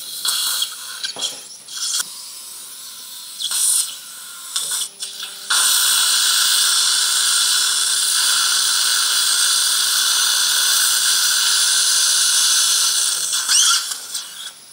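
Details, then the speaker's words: Loud, steady high-pitched dental implant drill whine with spray hiss, about eight seconds, from a 77-year-old man with poor periodontal condition and a heart condition; a 5.2 × 8.5 mm drill taken to about 70% depth in hard lower-jaw bone for implants at #43/#45/#46. "bone quality is quite hard so 5.20 by 8.5 drill is used it's not full length but approximately 70 percent drilling is done"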